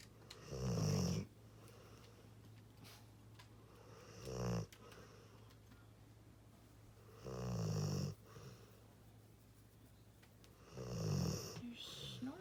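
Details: Old Pitbull/Mastiff dog snoring in sleep with his eyes open: deep, rumbling snores on each in-breath, about four over twelve seconds, with quiet pauses between.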